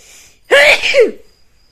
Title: MESSY SNEEZING | PART 2 | UNCOVERED | SNEEZING SAGA CONTINUES#youtube #mystory #vlogwithme #HYD